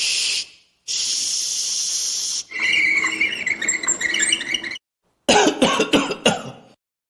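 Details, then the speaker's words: Demonstration sound of coughing in a children's lesson on body sounds: a hissing shush and other noises, then a run of about four or five short, sharp coughs. "E este som, o que será? É o som de tossir."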